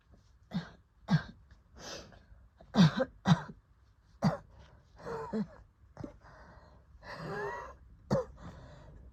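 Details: Asthma attack cough after COVID infection in a real person: about ten repeated harsh coughs in close succession with strained, wheezy-sounding breaths between bursts; asthmatic cough.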